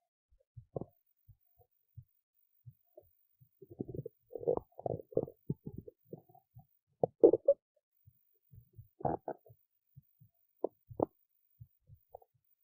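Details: Belly sounds after a skipped lunch, with hunger: irregular gurgles, squelches and short bubbling runs in a quiet setting. Hunger stomach rumbling (borborygmi).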